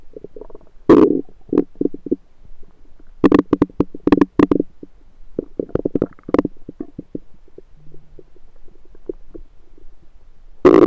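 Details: Own abdomen recorded with a USB stethoscope: bursts of gurgling and rumbling separated by quiet gaps; ordinary active bowel sounds (borborygmi).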